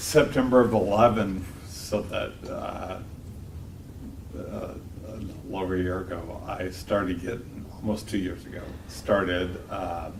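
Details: 52-year-old man with cerebellar-type multiple system atrophy; slurred speech began about two years earlier along with ataxia; walks with a cane; classic ataxic speech; ataxic dysarthria.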